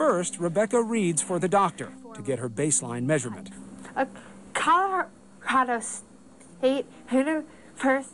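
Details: Adult narrator, then a second speaker reading isolated words; no speech disorder.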